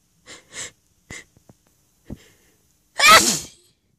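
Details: Sneezing fit set off by flowers: several short, stifled sneezes and sniffs, then one loud full sneeze.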